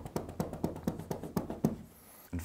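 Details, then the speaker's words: Manual chest percussion for airway clearance: cupped hands strike over the lower, middle, then upper ribs to loosen secretions, producing rhythmic hollow thuds about four per second. "it's also possible to perform the percussion with some forced expiratory flow"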